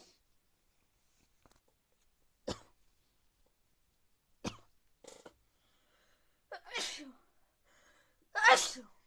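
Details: Several short, sharp sneezes in a quiet room after rain, the last two louder and more explosive; sneezing.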